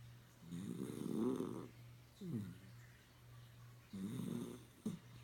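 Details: Puppy snoring, with a pet water fountain running in the background.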